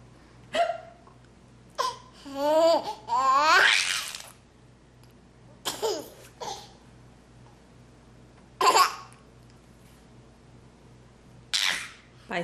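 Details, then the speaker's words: Small child laughs and babbles, interrupted every few seconds by abrupt, sharp hiccup bursts during dinner; hiccups. "excuse me excuse me i have the hicups"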